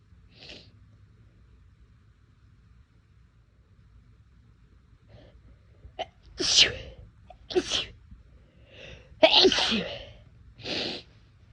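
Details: Self-induced sneezes from a person whose nose felt more sensitive than usual that day: a few sharp, explosive sneezes, some preceded by quick inhaled catches, separated by quiet pauses.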